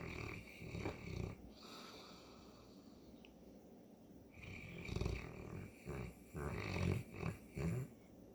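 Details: Sleeping St. Bernard dog, owner says allergies are hitting her hard, snoring: deep, rumbling, irregular snores with snorting breaths.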